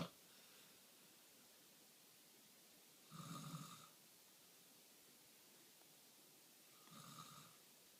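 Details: A man snoring before surgery: two rough, low, rattling inspiratory snores, about 16 a minute, over quiet room noise.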